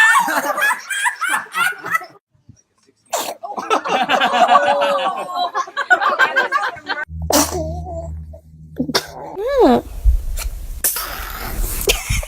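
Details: Babies sneezing: several short, abrupt sneezes between babbling and adult laughter, with music in the background.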